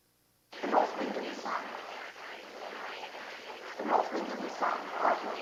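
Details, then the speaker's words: Hearing-loss simulation of a speech passage ("The North Wind and the Sun") heard through hearing impairment with background noise added; simulated cochlear-implant or impaired hearing in noise. "so that you can understand the difference in sound that simply having not just some hearing impairment but also noise imposed on those hearing impairments inflicts on you"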